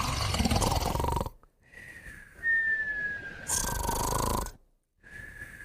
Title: Moumou & Puppy Snoring & Whistling Together